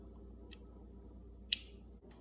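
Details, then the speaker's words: Omnipod Dash insulin pump pod priming after insulin filling for a type 1 diabetes pod change: sharp, soft mechanical clicks at irregular intervals over quiet room noise. "And it'll start priming and it'll click, click, click. So you'll hear that soon. So now you can see it says priming, please wait, and you can hear it clicking."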